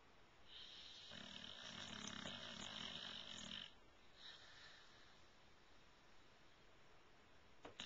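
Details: White Bulldog asleep: long, wheezy, rattling inspiratory snore, then a quieter breath out: dog snoring.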